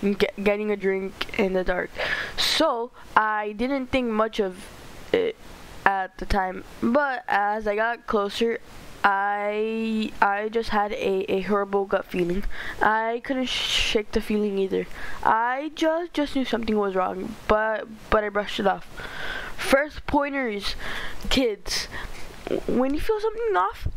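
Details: Stuttering in a male narrator reading a story aloud; he says he stutters a lot and reads badly.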